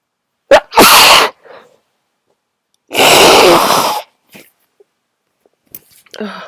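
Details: Very strong sneezes, hard to announce: two loud, explosive sneezes, each with a short intake before, then quieter sounds; sneezing during a cold.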